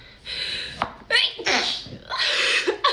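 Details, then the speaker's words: Girl with cat allergies, eating oranges, sneezes into an orange: a few sharp sneezes, each with a quick in-breath and a burst of air out, over light room noise. "I need to sneeze. Excuse me. So, oh, just sneeze right into the orange."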